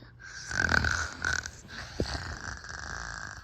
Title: ￼ Season3 Brenden snores crazy #French bulldog ￼￼